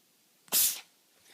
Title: Cat can't stop sneezing